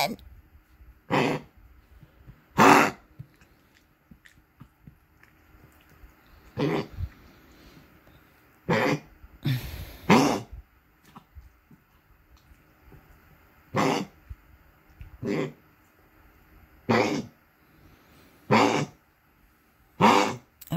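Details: Female dog coughing around 5:30 am on what the owner calls her worst night yet, about 30 minutes after medication including Lasix: about a dozen harsh, separate coughing bursts over twenty seconds in a quiet room.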